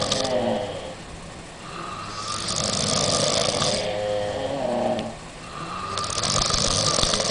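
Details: Women snoring on holiday after a nightclub and alcohol: loud, rough snores rising and falling with breathing over steady background noise.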